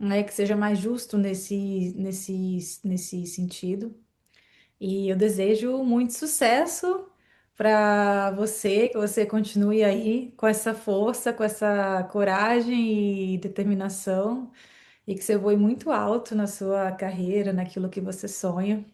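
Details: Adult woman speaking Portuguese; normal speech.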